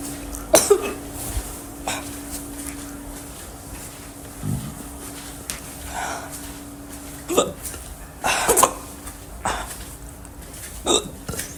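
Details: Sharp, brief hiccup sounds at irregular intervals, about seven in twelve seconds, over a faint steady hum; hiccups.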